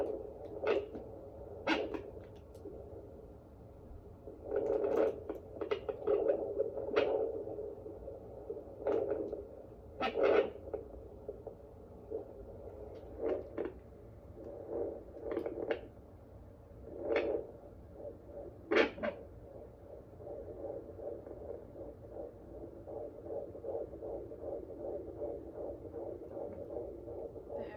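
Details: Fetal heartbeat found at home with a Premom fetal Doppler: hiss and scraping probe noises, then a fast, soft, regular galloping fetal heartbeat of about 150 a minute.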